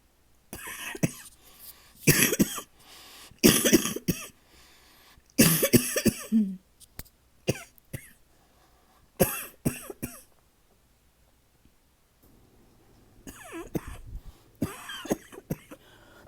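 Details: Persistent night-time cough lasting days, disrupting sleep: about seven bouts of harsh, repeated coughing with short pauses and some throat clearing.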